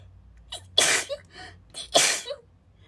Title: Breathy spray sneezing fit (F)